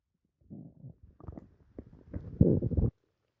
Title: stomach noises after dinner